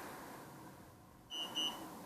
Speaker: so if I press confirm it'll begin the pod change so I press confirm and it's just deactivating the old one now